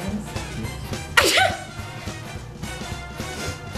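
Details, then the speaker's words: Person with cat and dust allergies and frequent sinus problems, trying to provoke sneezing (pepper, dog hair, cinnamon tried) and usually sneezing in threes: one sharp, explosive sneeze over background music. "The most sneezes I recall having frequently are 3. I usually sneeze in 3s."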